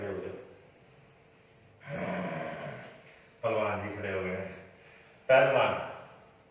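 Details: Older woman (aunty) from Delhi receiving a chiropractic adjustment for lower back pain gives three sudden voiced outbursts with sharp onsets, like gasps or startled cries, separated by quiet pauses.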